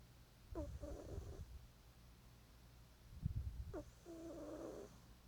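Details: Animal snoring: two soft snoring breaths about three seconds apart, each a brief rattly inhalation followed by a quieter humming phase, over low room rumble.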